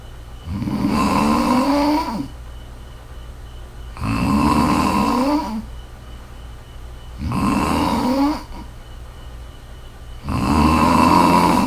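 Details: Four loud, rough snores on breathing in with a rising pitch, about every three seconds, roughly 19 breaths a minute: steady snoring in sleep.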